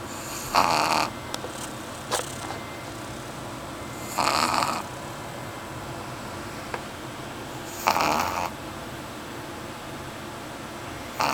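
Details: Soft snorting snores from a sleeping Pugshire dog, a few seconds apart, over faint room noise while the owner works.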